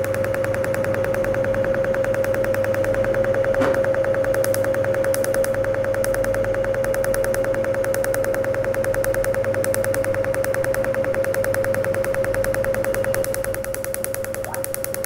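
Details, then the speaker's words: Cutera Enlighten picosecond laser (Pico Genesis) during a full-face dermatology treatment to even skin tone, tighten pores and stimulate collagen. Rapid, very regular snapping clicks, about 200 a minute, over a steady whine as pulses shatter skin pigment. "le laser va être captée par le capter de pigments il va être la lumière va être en chasser dans cette molécule de pigments qui éclate par la suite"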